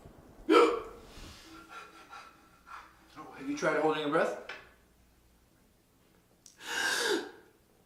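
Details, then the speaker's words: Acted comedy sketch of a person with hiccups: sharp voiced gulping catches with quick inhaled bursts, repeating irregularly. "[Music] [ __ ] I have the hiccups Martin he punch me in the face stop"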